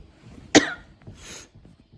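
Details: Adult woman's cough during an asthma flare-up she links to allergies worsened by sharp weather and temperature swings, also affecting her voice: cough related to asthma/allergy.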